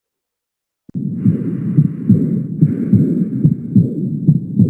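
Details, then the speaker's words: Aortic regurgitation murmur heard in diastole at the aortic focus, then at Erb's point, where the murmur grows louder; both sites best register the aortic valve. "Por ello recuerda donde se escucha más la insuficiencia aórtica en foco aórtico en diástole vamos a escucharlo"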